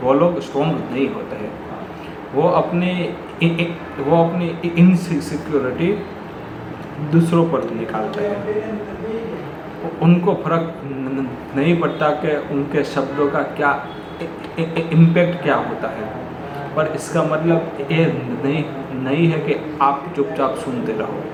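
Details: Adult male who says he is a person who stammers; real stuttering in Hindi speech.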